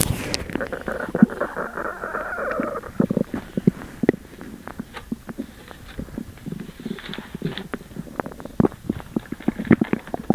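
Gurgling, bubbling and squelching rumbles with brief pops, from an upset stomach; loud bowel sounds.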